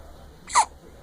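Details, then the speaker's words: Five-week-old infant girl hiccuping: a single short, sharp hiccup against quiet room background. "Smiles all the time when she's dreaming. But she was hiccuping when she smiled. Big time."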